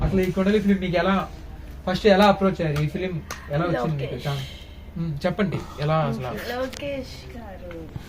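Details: Adult speaker, interview; normal speech.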